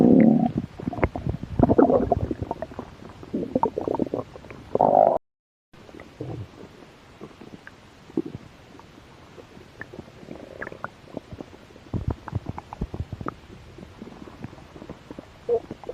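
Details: Low gurgling rumbles and bubbling pops, loudest at first then fading to softer irregular gurgles, while a little hungry; stomach growling (borborygmi).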